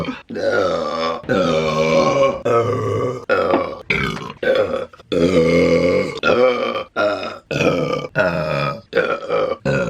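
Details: Woman burping during mukbang eating videos, compilation: a rapid series of about ten long, loud, voiced belches in close succession; repeated burping.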